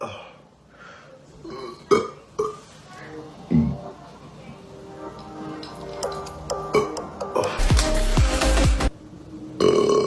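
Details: Burping by a man during an eating challenge: several loud, deep, drawn-out belches, one long and rumbling, over background music.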